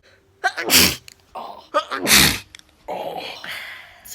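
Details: Two forceful sneezes, each led by a sharp inbreath then a breathy exhale, during a mother-daughter sneeze challenge; ordinary sneezing.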